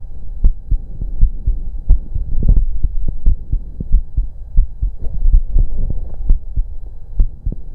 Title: Auscultation Of My Heart During breatholds